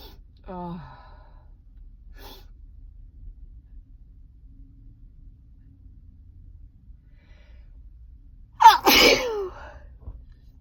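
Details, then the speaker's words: A person who says they cannot stop sneezing makes a short squeaky stifled sound, then one sharp, loud sneeze in a quiet room. "I'm sneezing, which is a first for me. I couldn't stop."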